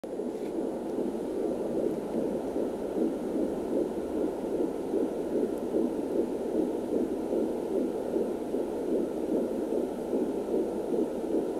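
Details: Fetal heartbeat at 14 weeks through an Angel Sounds home fetal doppler: rapid, steady whooshing pulses at about 150 beats per minute.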